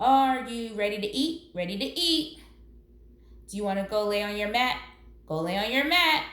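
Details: Acted: an adult role-plays a young girl's immediate or delayed repetition of an adult's words in a classroom exchange, presented as a sign of autism; echolalia.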